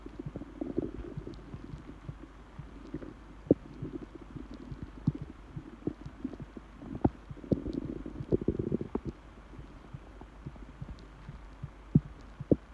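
Low gurgling rumbles and bubbly pops from the belly, typical of normal stomach growling on an empty stomach.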